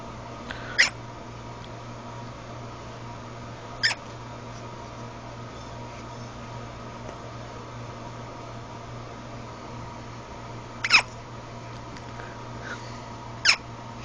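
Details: Cat hiccups: four short, sharp clicks spaced a few seconds apart, about 17 a minute, over a steady hum.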